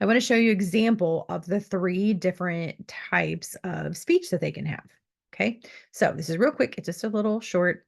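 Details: Adult woman speaking; typical speech.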